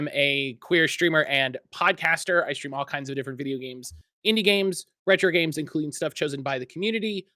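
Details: Adult speaker; Normal speech.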